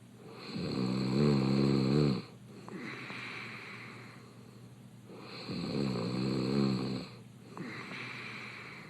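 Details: Adult male reality-show contestant snoring open-mouthed in bed: loud, low rattling snores on each in-breath, about two in nine seconds, with quieter out-breaths between.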